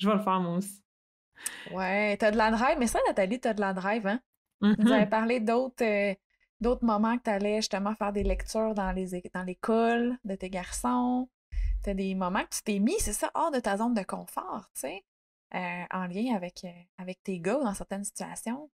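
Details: Adult woman speaking French; fluent speech.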